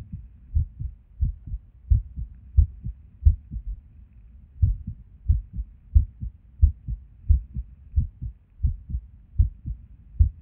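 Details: Resting heartbeat recorded at Erb's point while sitting at a desk, described as skippy lately: clear paired heart sounds near 90 a minute with uneven spacing and occasional pauses, fitting skipped beats.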